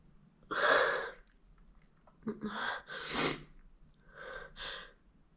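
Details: Stifled sneezes during pollen season: sharp catching breaths build up, then several muffled, held-back sneezes with the nose pinched; stifled sneezing.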